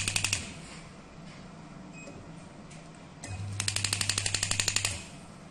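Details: Radial pneumatic shockwave therapy device (10 bar, touch screen, 10 treatment settings) firing rapid, sharp mechanical tapping pulses in bursts over a low hum.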